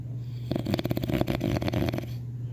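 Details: Snoring: one loud, coarse, fluttering breath with a vibrating rattle, lasting about a second and a half.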